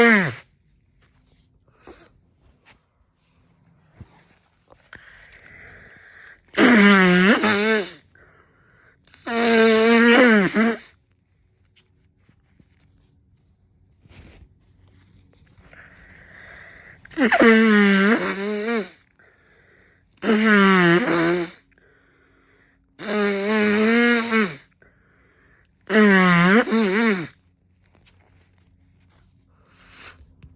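Six loud, voiced sneezes, some preceded by an audible indrawn breath, in about thirty seconds.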